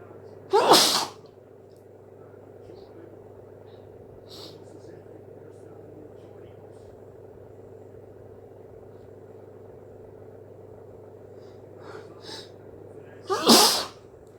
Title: Wet hayfever sneezes 🤧